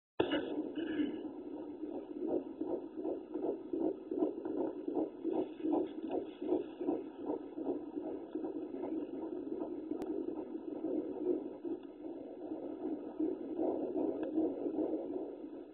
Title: 16 Weeks and 3days Fetal Heartbeat.